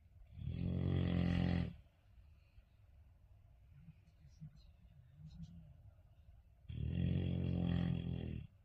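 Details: Two loud, deep, rumbling snores about six seconds apart with soft breathing between them, from a sleeping golden retriever whose owner says it snores too loud.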